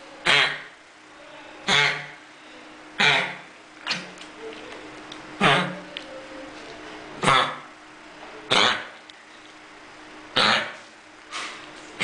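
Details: Dog with kennel cough: repeated harsh, honking coughs, about eight bursts in twelve seconds.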